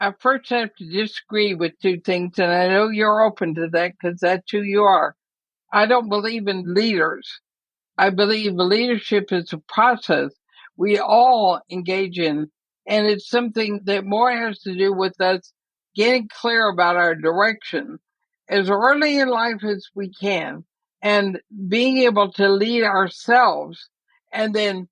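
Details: Dysarthria in an 80-year-old woman with ALS (Lou Gehrig's disease), which also affects her breathing; she says she is already having quite a bit of trouble speaking but is still intelligible.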